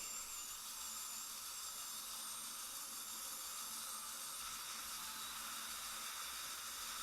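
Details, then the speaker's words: Live dental surgery, immediate implant placement after extraction in the mandibular anterior region: a 2 mm Lindemann drill cuts the osteotomy at tooth #31 to about 13 mm depth for an 11 mm fixture, giving a steady high-pitched whine with room hiss. "So I think he's doing the osteotomy by drilling to the depth of 13 millimeter or slightly deeper than 13 millimeter. He finished one side and he drills now on the site of number 31 tooth. He also uses the 2 millimeter diameter Lindemann drill."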